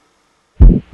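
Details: Cardiovascular examination, stethoscope at the mitral area: after brief silence, low heart sounds with sustained whooshing through systole after S1, a pansystolic murmur.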